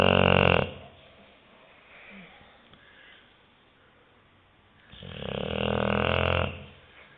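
Two loud, rattling snores separated by a quiet pause, typical of a flat-faced dog's noisy breathing in sleep.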